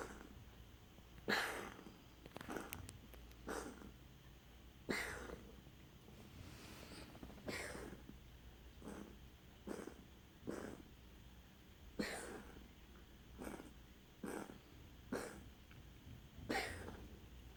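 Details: Cat's cough: repeated short, soft snorting hacks over quiet room noise.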